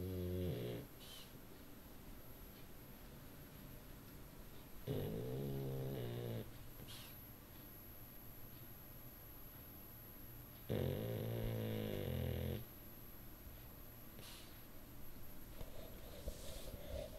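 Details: Sleeping peacefully: three low, rumbling snores about six seconds apart, roughly ten a minute, over quiet room noise; ordinary snoring in sleep.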